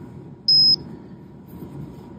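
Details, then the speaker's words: A single short high-pitched electronic beep over low room hum as a Microdot Pro glucometer activates on test strip insertion, before showing error code 9C from control solution mode accidentally left on. "gluccommer gets activated, but then we'll give you the 9C code and this will demonstrate how to get out of this."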